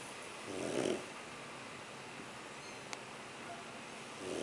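A soft, rough snore on an in-breath, then a quiet pause before the next snore starts; ordinary snoring during sleep.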